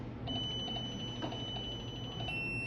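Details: TM 2007P biphasic defibrillator charging at 50 joules on battery: a steady high electronic tone that shifts pitch near the end as it charges.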